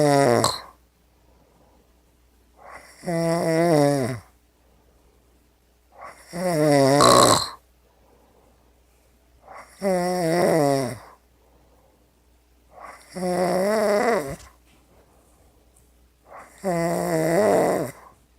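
Loud, regular rattling snores on each breath, about 18 a minute, with quiet pauses between; snoring.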